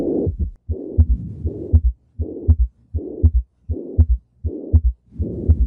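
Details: Mitral regurgitation murmur with S3 gallop: a regular heartbeat near 80 a minute with a blowing murmur filling systole and an extra third heart sound giving a gallop rhythm.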